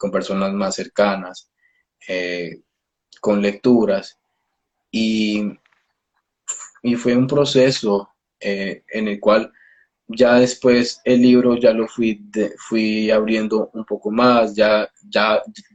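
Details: Adult male speech-language pathologist who stutters, speaking Spanish; stuttering.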